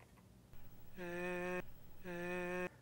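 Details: Adult voice during laryngeal examination; Normal vocal cord phonation.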